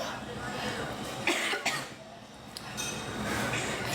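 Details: Cough from an adult woman who is ill with a cough and has lost her voice despite medication: two short, harsh cough bursts with murmured voices and room noise behind.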